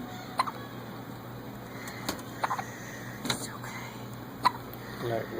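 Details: Newborn on day 1 of life with hiccups: several brief, sharp hiccup sounds a second or two apart over a quiet room hiss, ordinary infant hiccups.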